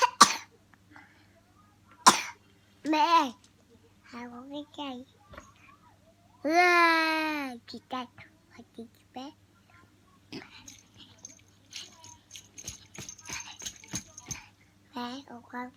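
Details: Young child coughing: a few sharp cough bursts mixed among vocal sounds and babble, with mild room noise.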